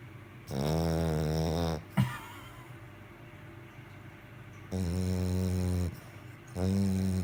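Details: Junior snoring during sleep, said to snore louder than the husband: three long, loud, buzzing breath sounds with quiet pauses between them, plus one short snort.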